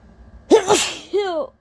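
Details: Deliberately induced, powerful, wet allergy sneeze from a person whose nose was very sensitive all day: a sharp inward catch, then a forceful explosive sneeze with a short voiced tail; a single strong sneeze.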